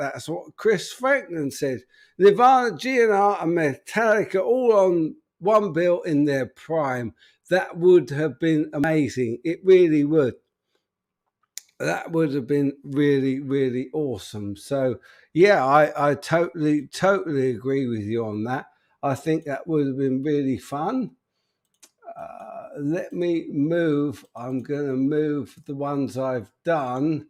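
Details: Adult man with an upper motor neuron disorder affecting speech, getting more evident; speech currently not great, awaiting news on his condition; spastic dysarthria (upper motor neuron).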